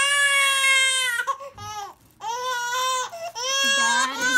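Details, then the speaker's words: 4-month-old baby girl at a check-up, crying during immunization injections, the last described as the painful one: loud, high-pitched, sustained wails with brief catches; she cried only a few seconds, then fed. "She only cried for a few seconds there. And she's eating now."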